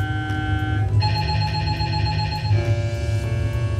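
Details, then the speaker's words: MRI scan at a children's hospital: loud, steady electronic humming with shifting tones, beeping, clicking and rapid rhythmic knocking, the normal noise of the scanner taking images. "The MRI makes lots of different sounds when taking your pictures like loud humming, beeping, clicking, and knocking. Like this!"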